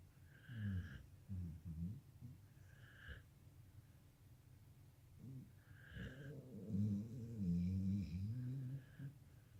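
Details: Sleeping dog snoring: low, fluttering, rumbling breaths repeating irregularly, some with a nasal whistle, with snorting.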